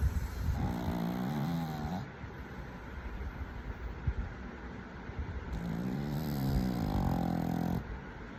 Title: Do Not Disturb!!! #sleepypup #sleep#snore #pug #minglegame #donotdisturb #funny #pets #puglife #pup